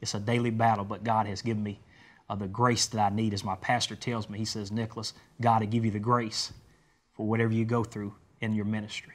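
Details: Adult man speaking; normal voice.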